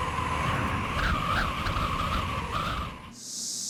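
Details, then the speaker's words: Simulated tinnitus, a strong wind-like sound, illustrating sensorineural tinnitus caused by hearing loss, which only the patient hears (subjective tinnitus); other examples given are beeping and waterfall sounds. "이명이 생겼기 때문인데요 삐하는 소리 폭포소리 거센"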